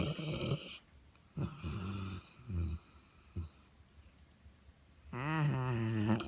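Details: Sleeping St. Bernard dog snoring: deep rumbling snores separated by quiet pauses, with a drawn-out, tonal inward snore near the end.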